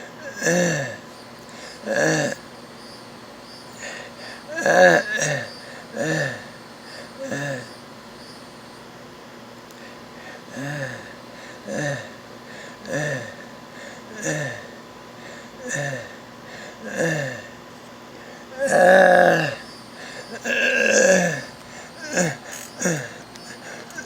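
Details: Child with stridor, saying "I can't breathe": harsh, crowing, high-pitched breath noises repeating with each breath.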